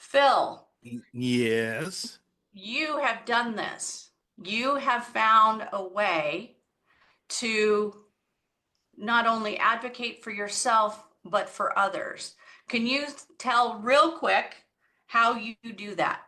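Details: Adult woman speaking; ordinary speech.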